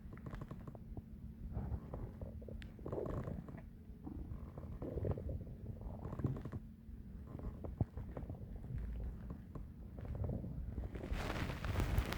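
Low gurgling and rumbling abdominal sounds with bubbling bursts, loud ordinary bowel sounds of digestion.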